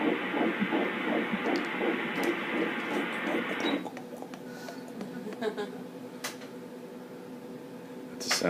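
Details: Fetal heartbeat on ultrasound at 8 weeks 2 days in an IVF twin pregnancy: fast rhythmic whooshing pulses at about 165 per minute that stop partway.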